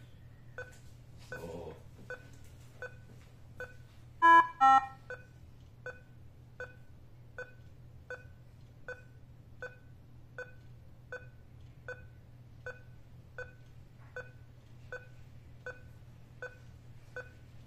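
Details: Nihon Kohden defibrillator (TEC-5631) ECG channel test using a simulator: steady monitor beeps at about 80 per minute, one per simulated heartbeat, no noise; normal working ECG heart rate beeps.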